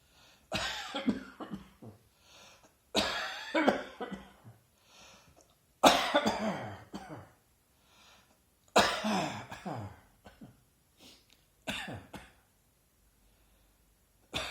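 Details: Five harsh dry coughing bouts from an adult, each a few quick hacks about three seconds apart, recorded on a smartphone while sitting reading in a garden on a hot early-autumn afternoon.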